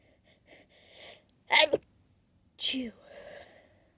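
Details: Late-night sneezing fit, stifled but turning vocal as the tickle overcame efforts to keep it quiet: two sharp, partly held-back sneezes with soft breaths in between.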